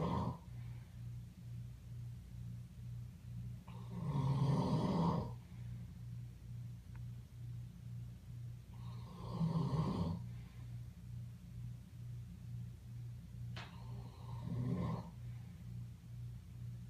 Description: Can anyone tell me what kind of animal makes these kinds of noises in its sleep?